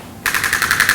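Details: Radial shockwave therapy applicator firing in sports medicine treatment: rapid, evenly spaced sharp pulses starting abruptly, a fast clattering burst.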